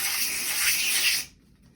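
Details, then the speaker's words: Loud gas hiss for about a second as the oxygen hose of a Hamilton transport ventilator is connected to the wall DISS outlet during setup, then quiet; oxygen hose connection hiss. "And then we have our oxygen. So you have to connect this to your DISS connection."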